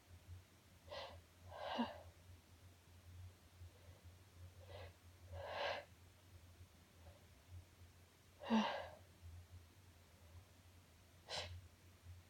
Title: Only nonstop sneezing